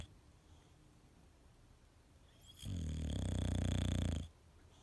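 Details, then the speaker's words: Sleeping English bulldog: one loud, deep, rumbling snore about two seconds long with a rattling, vibrating quality in an otherwise quiet room; snoring. "as a lot of you may know ready Bulldog snore and it can get really loud"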